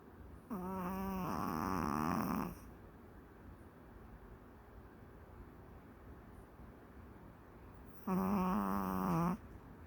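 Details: Maltese dog snoring during a daytime nap: two drawn-out, whiny, nasal snoring breaths several seconds apart, with quiet breathing between them.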